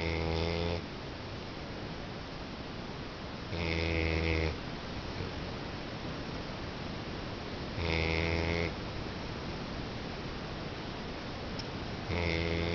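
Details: Snoring: slow, loud rumbling snores, about four in thirteen seconds, over steady background hiss.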